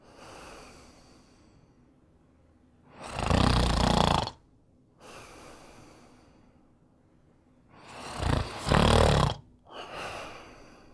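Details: Loud, harsh snoring breaths alternating with softer exhalations, some snorting; heavy snoring.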